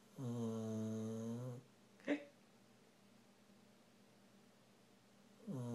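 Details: Rottweiler-mix dog snoring while sleeping and dreaming: loud, buzzing snore, a pause with a brief snort, then the next snore, in a quiet room.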